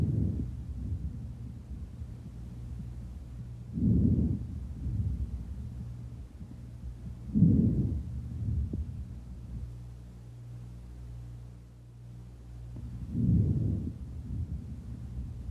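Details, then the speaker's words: Soft, low-pitched breath sounds rising and falling about fifteen times a minute, inspiration louder and longer than expiration, heard over most of the lungs: normal vesicular breath sounds. "vesicular wrong sound it is a soft low pitched sound inspiratory sound is greater than the expiratory sound heard or most of the lungs"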